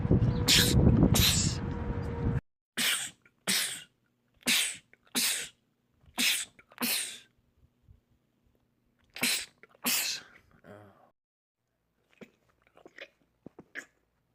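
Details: Male, from a compilation of rapid sneezing attacks in men: about ten sharp sneezes in quick succession; repeated sneezing fit.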